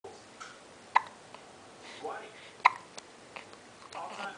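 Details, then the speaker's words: A baby with hiccups that come daily after feeding: two sharp, brief hiccup clicks about two seconds apart in a quiet room. "here's with the case of the hiccups he seems to get them every day after feeding"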